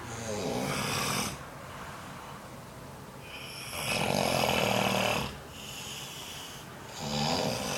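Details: Adult man, the father, asleep in a room at a youth conference after nodding off within 10 minutes: three loud, harsh snores on breathing in, about 3 seconds apart (roughly 20 a minute), quieter breathing between; snoring.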